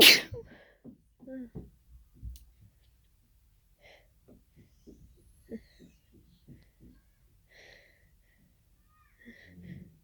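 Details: Sneezing fit of unknown cause after an hour of nasal irritation: a loud sneeze followed by a run of sniffing, catching breaths and small nasal snorts.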